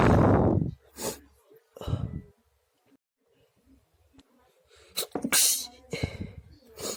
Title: Night sneeze compilation 🤧